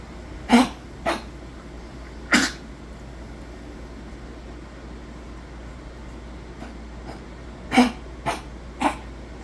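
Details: A dog with fluid in the lungs gives six short, harsh coughs in two clusters: a cough with pulmonary fluid.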